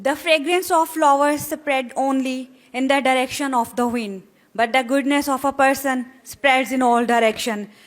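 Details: Adult woman; normal speech.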